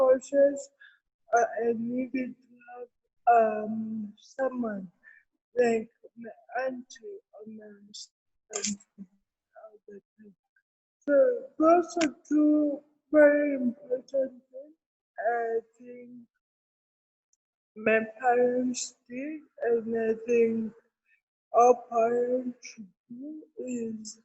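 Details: Adult woman with cerebral palsy present since birth, speaking in an interview: dysarthria (cerebral palsy).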